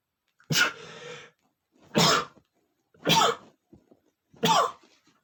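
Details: Male sneezing attack: four loud, abrupt, explosive sneezes in quick succession.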